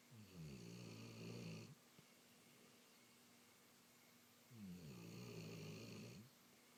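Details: Sleeping dog snoring: two long, low, vibrating snores about four seconds apart, with a steady hum in the room.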